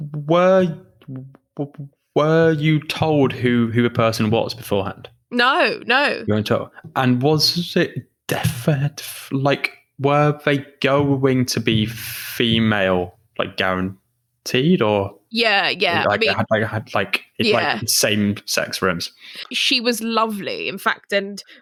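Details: Adult female who stammers; stammering.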